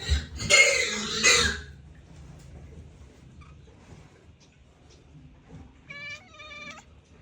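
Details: Cat, owner suspects he ate something bad, struggling to breathe, nauseated and wanting to vomit: two harsh, noisy hacking cough bursts, then quiet and a short strained cry.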